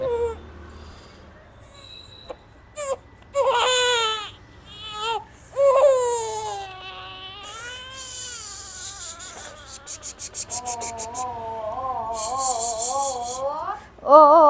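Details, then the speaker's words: Infant girl crying with rising, wavering wails and short gasps during an ear piercing, while adults soothe her nearby. "बापरे किती येतय किती येतय आम्हाला किती येतय"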